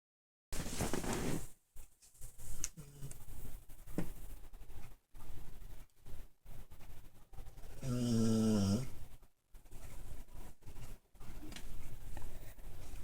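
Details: Sleeping pit bull dog dreaming: irregular snorts, soft whimpers and a drawn-out whine mixed with low snoring breaths; ordinary sleep noises.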